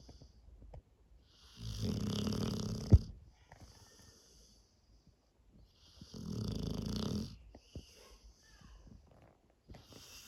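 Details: Sleeping Presa cross Dogue de dog with two long, deep rumbling snores about four seconds apart and quiet breathing between them; snoring.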